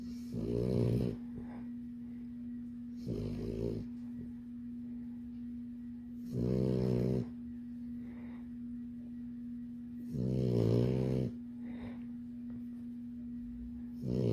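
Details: Female Labrador puppy snoring in her sleep: rhythmic, rattling snores on each breath, about 17 a minute, over a steady background hum.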